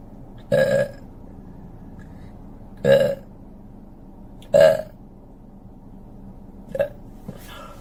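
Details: Four loud, drawn-out belches from a woman, a couple of seconds apart, over a steady background hum; burping.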